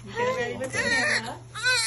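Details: Newborn cry right after birth following an elective induction at 39 weeks: short, high-pitched wavering cries with a steady hum in the room.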